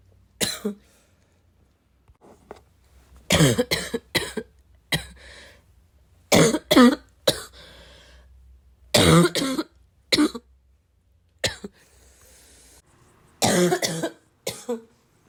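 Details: Adult who is really sick coughing about a dozen times in short bouts, with harsh, forceful bursts and brief pauses between.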